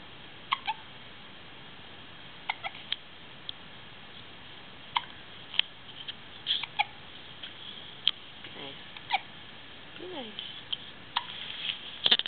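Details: Repeated short, sharp hiccup clicks at irregular intervals with faint soft vocal sounds in a quiet room; hiccups.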